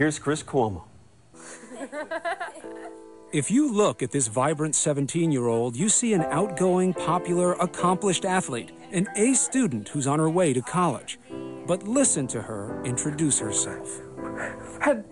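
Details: Adult narrator; fluent speech.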